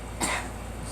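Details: Girl coughing, with allergies mentioned as the cause.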